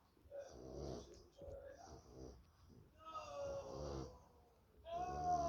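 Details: Male dog snoring while asleep, tagged yorkshire and farming life: soft, buzzing, irregular breaths with whistly squeaks.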